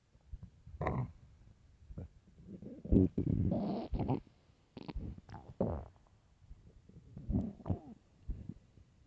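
Irregular gurgling and rumbling bursts with squeaky tones over several seconds; stomach growling on an empty stomach, a normal finding.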